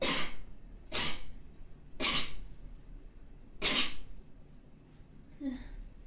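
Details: Person sneezing multiple times with spray.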